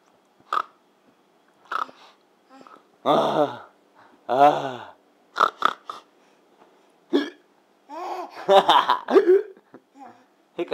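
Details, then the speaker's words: Infant playing on the floor, with repeated short sharp hiccup breath catches between soft babbling and snorting noises; hiccups. "hey bud hey you want to do some hiccuping or what about some snorting i got the hiccups so bad"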